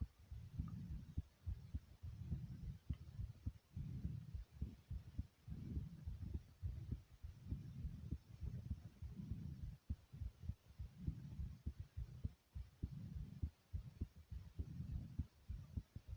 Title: Fast Pounding Heartbeat Sound ❤